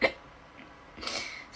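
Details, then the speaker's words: A girl with hiccups: two short, sharp, abrupt gulping sounds about a second apart; she has a sore throat that makes them worse. "guys I have hiccups"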